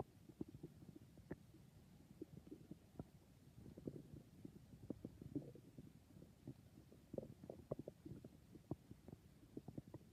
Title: I think my stomach is being very noises